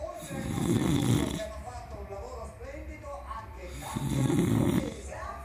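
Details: Pig snoring: two loud, grunting, rattling snores about three seconds apart, with a softer noisy breath between them.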